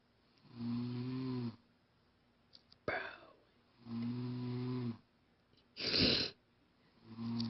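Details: Female friend asleep, snoring: regular tonal, droning snores about a second long with quiet pauses between and one louder snort-like breath.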